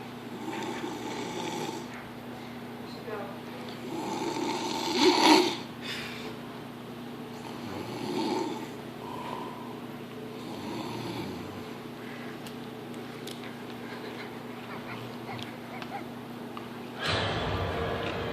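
Soft, rough snoring breaths every few seconds over a steady electrical hum, ending in a rustle.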